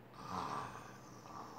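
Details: A single rough, rattling snore from a sleeping person in the background, with a brief snort-like rise before it fades.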